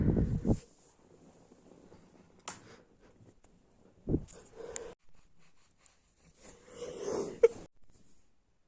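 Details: Person who is sick with a runny nose sneezing and coughing: several abrupt bursts separated by quiet stretches with faint breathing.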